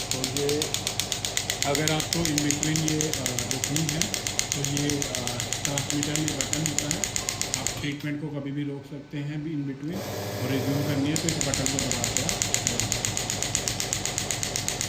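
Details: Pneumatic radial shockwave therapy device (ESWT, 12 bar) firing rapid, even clicking pulses at about four per second at maximum intensity, with a man talking; combined shockwave-ultrasound unit.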